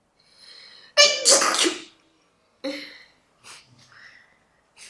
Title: sneezing (sample)